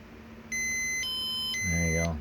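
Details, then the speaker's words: Short three-tone electronic chime from a Zoll E Series monitor marking completion of a non-invasive blood pressure (NIBP) reading during an EMS training demonstration; blood pressure monitor completion chime. "you know the blood pressure is done when it makes that little chime so we'll let it make its make its little noise so you know when the pressure is done"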